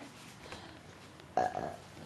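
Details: Person with hiccups in the morning: a single short, voiced belch rising out of quiet room noise.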